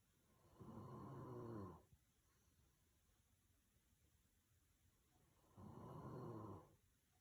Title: Cat Falling Asleep While Dog Snores #cats #cute